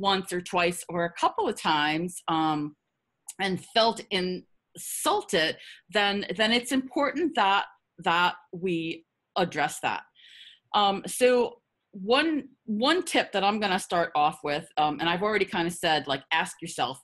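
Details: Adult who stutters, presenting a workplace self-advocacy webinar with audible part-word and word repetitions; stuttering.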